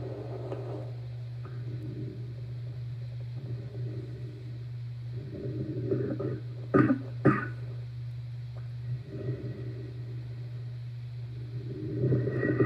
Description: Asthma and Bronchitis Deep Barking Cough